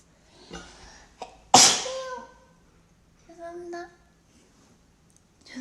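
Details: Sneeze from a K-pop idol (ITZY member): one sharp, explosive sneeze between bits of quiet talk.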